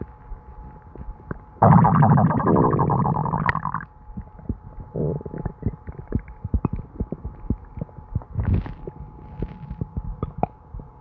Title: My stomach gurgling and bubbling [Constant stomach noises]